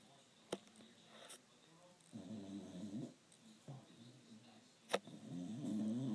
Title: Try not to laugh:funny dog snoring